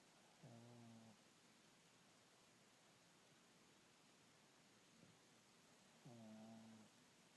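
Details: Sleeping animal snoring: two soft, buzzing, tonal snores about five seconds apart over steady room hiss.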